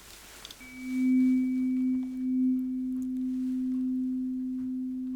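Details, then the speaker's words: Simulated ASMR cranial nerve exam: tuning fork struck and placed behind the ear for a hearing test, ringing with a steady low hum that slowly fades until no longer heard. "So, I'm putting it behind your ear, okay? Are you ready? It's fine. It's not going to hurt. It's not going to be too loud."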